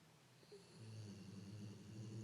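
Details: Steady low rumbling breath noise building over two seconds, consistent with snoring during sleep.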